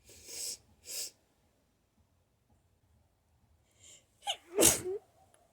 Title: Allergies: Sneezing and nose blowing 2!